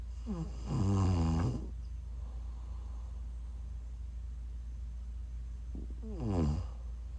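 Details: Person snoring in sleep while sick, recorded during a livestream: two loud, low, rattling snores on inhalation separated by quiet breathing.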